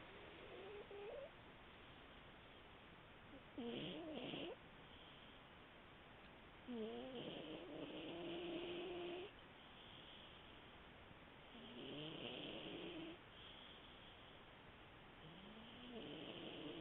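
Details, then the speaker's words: Sleeping male cat snoring again: soft, whistling, squeaky snores repeating every few seconds, with quiet pauses between breaths. "Hey, sleepy boy. Sleepy. You're snoring again."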